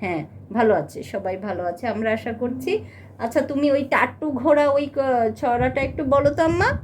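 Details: Adult woman speaking Bengali; Typical adult speech.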